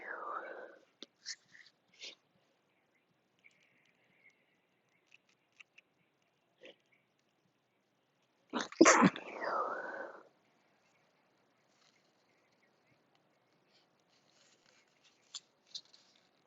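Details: Deliberately induced sneeze: a drawn-in breath building to one forceful sneeze, with soft sniffs before and after in a quiet room.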